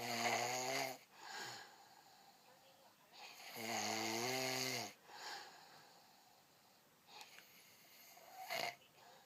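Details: Person snoring: loud, vibrating snores with a buzzing tone at about 15 per minute, separated by quieter breathing.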